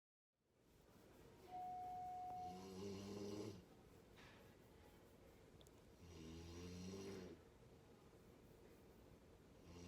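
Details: Woman snoring very loudly during sleep after giving birth: two long, buzzing snores on the in-breath with softer breathing between, plus a brief tone early; snoring.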